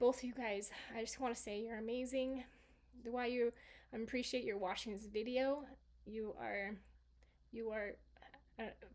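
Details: Residual aphasia in a female stroke survivor; her aphasia was originally global and has improved over time; she supplements speech with gestures, writing and facial expressions.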